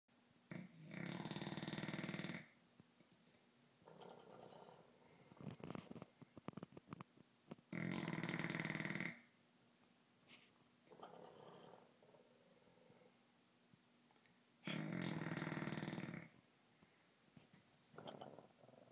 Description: Piggy keeping me up with his glass shattering snore -_-